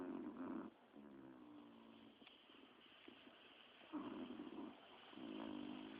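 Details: Soft, droning snores from resting on a sofa, several overlapping in a quiet room; ordinary snoring.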